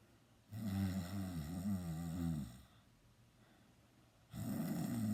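Loud, low, fluttering snore lasting about two seconds, then a pause and the next snore starting. Vibrating snoring.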